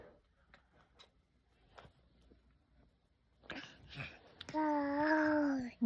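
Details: An infant who woke up with a runny nose and cough gives a couple of short, rough coughs, then breaks into a brief high-pitched cry.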